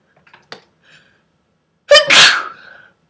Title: breathy sneeze